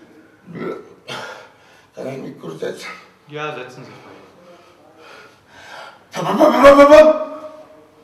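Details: Person with Tourette syndrome at a university hospital around deep brain stimulator (brain pacemaker) implantation: short speech, then a sudden loud, croaking, burp-like vocal tic.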